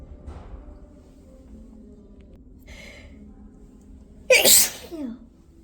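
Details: Faint catching breaths, then one loud explosive sneeze with a brief vocal tail: a deliberately induced sneeze preceded by hitching inhalations.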